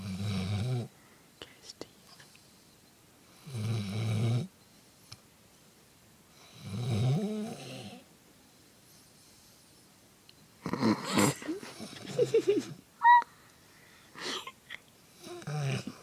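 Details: Dog asleep after agility, snoring: deep rattling snores about every three seconds with a few quiet snorts and background whispering.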